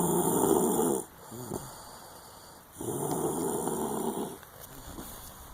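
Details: Two long, rough, rattling breaths, each over a second, with quiet pauses between; snoring during sleep.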